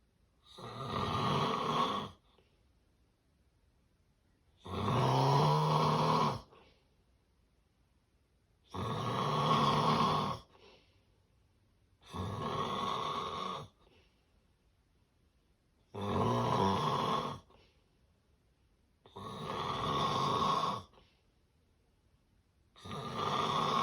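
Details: Adult with severe obstructive sleep apnea: loud, rattling snores at about 16 a minute with quiet gaps between them.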